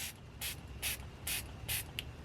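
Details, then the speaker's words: Five short hissing spray bursts from a Utility Tip ear wax removal kit, held about an inch from the tilted ear, filling the ear canal with solution at first home use; bubbling and fizzing described as normal. "यह कहता है कि बुदबुदाई और फ़िज़िंग सामान्य है।"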